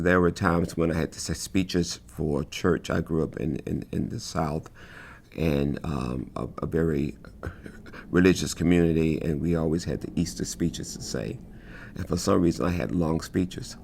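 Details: Adult male who has stuttered since childhood, describing effort to get words out; stuttering.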